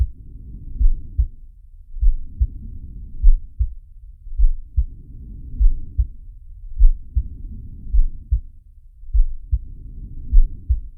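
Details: Animated cartoon shark character's heartbeat and breathing sound effect, not a real recording: low thumping heartbeats under slow rumbling breaths, about 12 breaths a minute.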